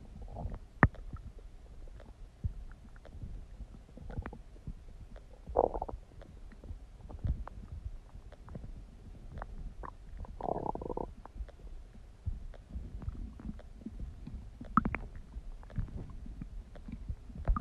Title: Tummy Gurgling Sound | My stomach makes noises